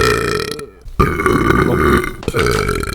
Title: I'm still BURPING in 2025. 30 seconds of sweet burping.